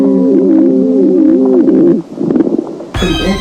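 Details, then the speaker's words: Breath sounds of a patient with advanced chronic obstructive pulmonary disease: loud, musical, wavering polyphonic wheezes with low rumbling rhonchi. "可别拿这种反复咳嗽不当回事儿。你听听晚期慢阻肺病人的这种呼吸音，"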